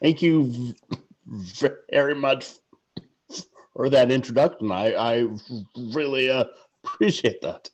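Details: Adult male sportswriter who stutters, stuttering in conversation.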